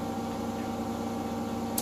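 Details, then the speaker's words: Vacuum therapy machine for physiotherapy running at low suction in a short demo: a steady droning motor hum; the controller adjusts suction strength, up to full. "जैसे आप देख पा रहे हैं अब बहुत तेज हो रहा है, अब मुझे छोड़ना पड़ रहा है। इसको और तेज कर दूंगा मैं, ये फुल पे कर दिया हमने तो ये तगड़ी वैक्यूम बना रही है।"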